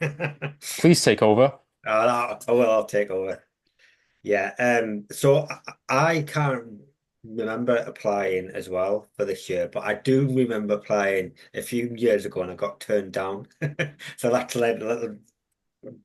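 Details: Stuttering in an adult with a long-standing stammer who mentors young people who stammer.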